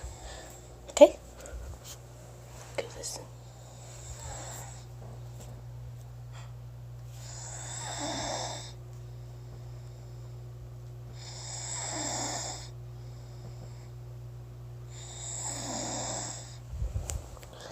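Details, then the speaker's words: Sister snoring: three rough, rattling snores about four seconds apart, roughly 15 per minute, over a steady low room hum. "So I pull up this video to her, and then this is proof that she does snore."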